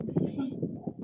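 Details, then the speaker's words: Vocal imitation of asthmatic wheezing: an adult voice makes a short, cooing, squeaky whistling sound, likened to a kitten stuck in the chest. "Los ruidos, por ejemplo, en el caso de los asmáticos y todo, luego dicen, parece que tienes un gatito atorado por ahí, ¿no?"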